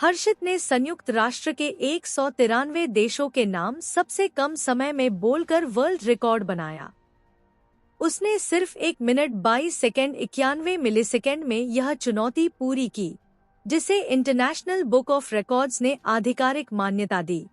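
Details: Adult narrator; normal speech.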